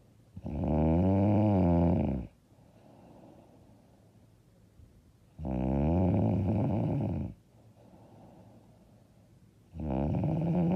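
Loud, rattling, buzzing snores on each breath in, about 13 a minute, with quieter breathing out between them. Heavy snoring.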